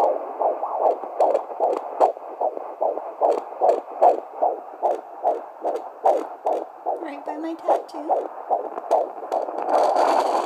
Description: Listening to my twins on the Doppler at 16 weeks gestation.